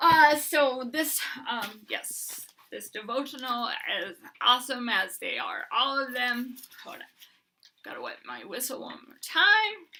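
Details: Adult woman with Huntington's disease who uses a bed setup to prevent falls and is getting a service dog; hyperkinetic dysarthria (Huntington's disease).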